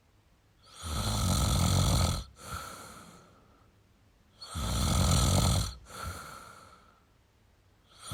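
Loud, harsh snores on each inward breath with a softer snort on the way out, about 17 breaths a minute.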